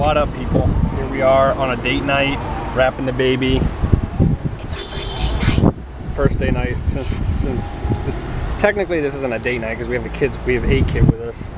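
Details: Adult speaker in a moving car; ordinary speech.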